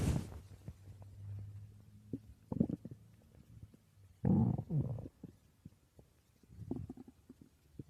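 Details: Person's stomach growling while asleep: low rumbling gurgles and scattered pops, with a louder rumble partway through; borborygmi.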